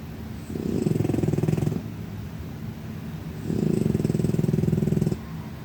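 Two long, low, rumbling breath sounds with a fine rapid flutter, each lasting over a second: a sleeping cat snoring.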